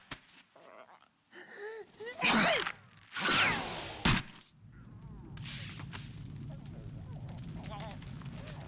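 Cartoon character's sharp, rising gasping intakes of breath, a build-up before a sneeze, with scene noise afterward.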